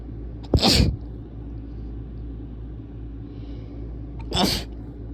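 Two sharp, explosive sneezes a few seconds apart over a steady low room hum.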